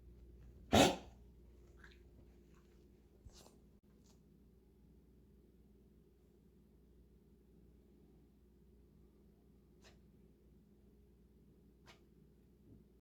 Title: cough